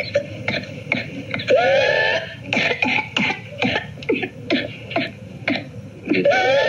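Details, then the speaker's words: Whooping cough (pertussis), paroxysmal stage recording: rapid runs of short, forceful coughs, each run ending in a high-pitched crowing inspiratory whoop. "so here I want to play you the cough I just want you to actually pay some close attention it's about 20 something seconds so I want you to listen to this"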